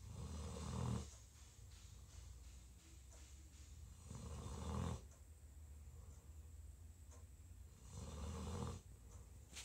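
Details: Tired, sleeping bloodhound snoring: deep, low rumbling snores on each breath, about 16 breaths a minute.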